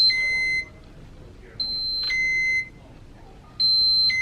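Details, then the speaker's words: Hospitalized patient with chronic illness during a mast cell flare, receiving J-tube medication and feeds: repeated high-pitched two-tone medical equipment alarm beeps, about 30 a minute, over quiet room noise. "another reason it's hard to sleep in the hospitals there's lots of beeping machines"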